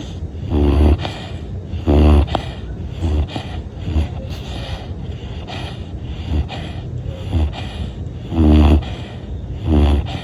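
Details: Large fluffy black dog, tagged as a gentle-giant "black bear" pup, snoring while asleep.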